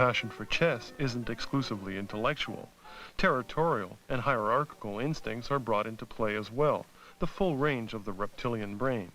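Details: Adult male narrator; Normal speech.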